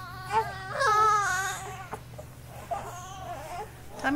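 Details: Infant during tummy time: fussy crying in drawn-out wails with whimpering between, in a quiet room with a steady low hum.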